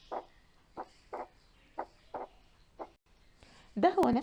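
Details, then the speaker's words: Physiological splitting of S2, filtered to remove breath sounds: the split appears and widens, then the components draw together and merge into a single sound with respiration, a normal finding in a paediatric cardiology auscultation lesson. "فلاحظنا ايه مع في وقت بيبقى فيه سبليتنج ووقت تاني بيقرب من بعضه ووقت بيختفي السبليتنج دوت، وقت يظهر يقل لحد ما يختفي تاني."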